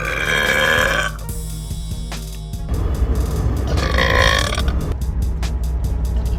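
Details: Girl burping: two long, rumbling belches over loud music and vehicle noise.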